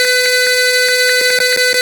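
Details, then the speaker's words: Arduino-based IV infusion alarm in software simulation, fluid below 100 ml: red LED on and a steady, unbroken electronic buzzer tone signalling an empty IV bag. "Merah nyala, bit nyala terus. Oke, mungkin itu yang di softwarenya sudah kita uji dan hasilnya sudah sesuai."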